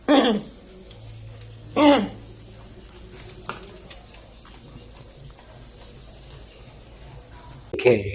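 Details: Kennel cough in a dog: three short, harsh, honking coughs with quiet pauses between.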